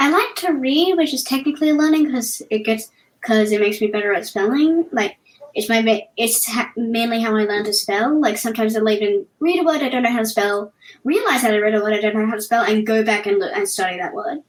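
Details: Cluttering that has resurfaced, in a 10-year-old girl who also has autism, ADHD and dyspraxia.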